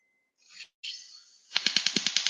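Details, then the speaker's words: Second cut with a laser osteotome (CARLO robotic system), demonstrating a safety feature: brief hiss followed by rapid, evenly spaced sharp snapping pulses as it cuts bone. "i would cut another time because there is another safety feature that i would like to demonstrate"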